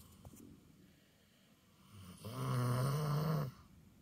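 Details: A single loud, low, rumbling snore on an in-breath after quiet breathing, in a small room; snoring.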